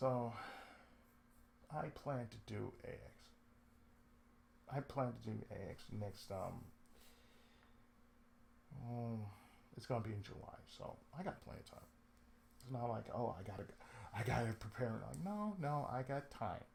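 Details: Adult male with cerebral palsy, lifelong, with speech problems since childhood; he reports an occasional lisp, breaks where he cuts himself off mid-sentence, pauses, and a drawl he calls sudden and sleepy; dysarthric speech in cerebral palsy.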